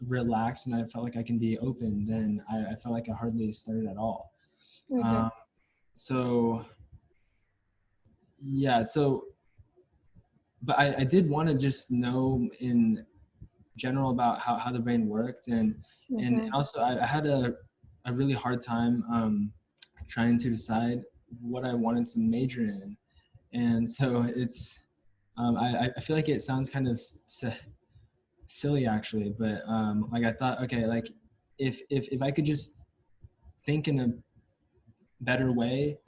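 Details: Male US-born university senior of Chinese family who has stuttered since about age five or six, with blocks and getting stuck on sounds; his biological father and maternal grandfather also stutter; stuttering.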